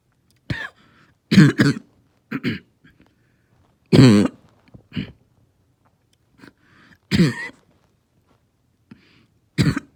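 About ten harsh, hoarse cough bursts, some in quick pairs, separated by short quiet breaths; a barking cough.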